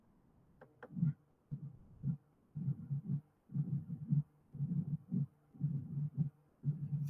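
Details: Mid-diastolic murmur.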